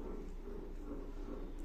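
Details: Fast, muffled whooshing pulses from a fetal monitor speaker during a non-stress test in a pregnant woman admitted with sudden pain, described as false labour pain: normal fetal heartbeat.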